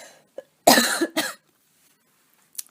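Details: Voluntary cough on request from a person who mentions asthma, colds and weather changes, and whose chest feels a bit itchy.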